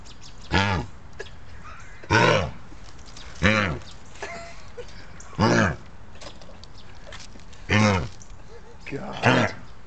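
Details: Dog coughing repeatedly: six short, hoarse, honking bursts at steady intervals over ten seconds; owner wonders if the dog is hot.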